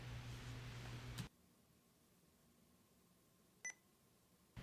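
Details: Brief electronic beeps over quiet room hum, with a steady tone at the start: confirmation beeps from a Sapphire infusion pump while a dopamine infusion is programmed at 10 micrograms per kilogram per minute, 250 millilitre volume.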